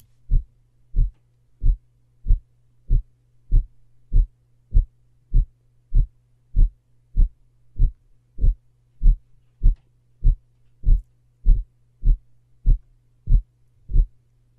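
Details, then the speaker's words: Aortic stenosis murmur: regular heartbeat near 98 a minute with a harsh, loud systolic murmur heard on S1 while the aortic valve is open during systole, over a steady low hum. "I'm going to hear that murmur when the valve is open when's the aortic valve open its open during systole therefore they will have a systolic murmur that I will also hear on s1"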